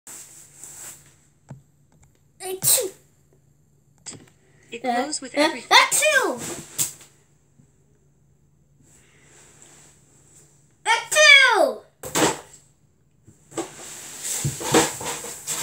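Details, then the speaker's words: A sick child gives several sharp, explosive sneezes, some preceded by a rising, drawn-in voiced breath, and asks why they keep sneezing. Sneezing. "bless me why do i keep sniff snooze i think that's gonna be a bad sneeze why do i keep sneezing wow"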